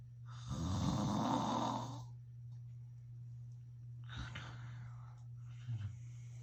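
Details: Loud, long rattling snore on the in-breath from the recorder's father, then softer breathing over a steady low room hum; snoring.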